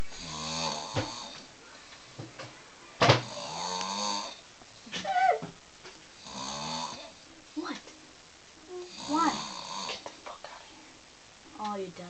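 Repeated rough, rattling breathing sounds in roughly regular cycles, with a quieter background; snoring during sleep.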